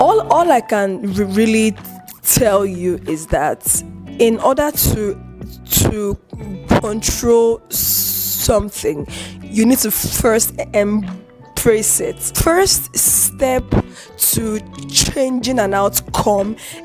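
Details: Adult woman with a chronic stutter that involves eye twitching and unusual mouth movements; she controls it by gesticulating and taking deep breaths; stuttering.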